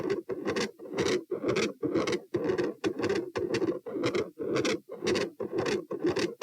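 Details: Auscultation stress test at position P, 90-126-72 bpm while sitting, standing and lying: fast heartbeat near 118 a minute with rough, scratchy intermittent machinery-like murmur and loud S2.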